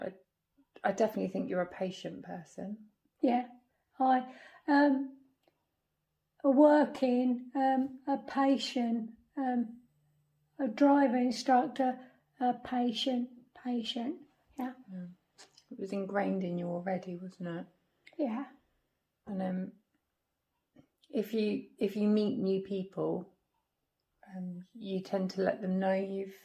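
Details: Non-fluent aphasia in a woman after a stroke at age 46; halting speech with word-finding pauses.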